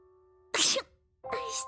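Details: Two sharp breathy bursts over a held musical note: simulated sneezes by an animated cartoon character, heard but not shown.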